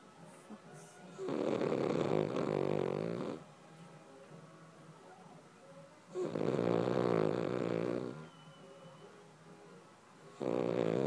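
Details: A dog, Charlie, snores loudly with long, rattling snores of about two seconds each, roughly 16 a minute: ordinary snoring.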